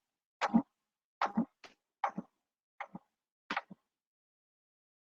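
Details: Tympanic percussion note.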